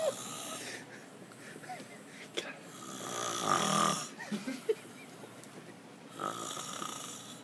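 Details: Man snoring while drunk and passed out: rough, rattling breathing during sleep with a louder snoring burst midway and fainter breaths around it.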